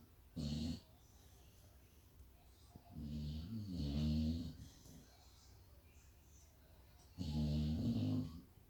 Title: My Staffie snoring so loudly I couldn't hear the tv! 😮